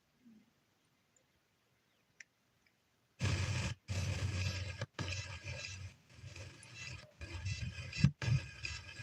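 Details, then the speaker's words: Cat snoring while asleep in a quiet room during a livestream: low, rough snoring breaths, about eight in quick succession. "Oh, I kept hearing something. That's my cat snoring."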